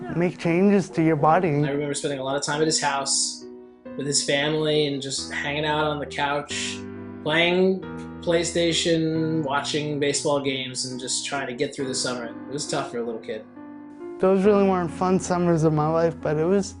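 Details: Adult male speaker with background music; ordinary speech.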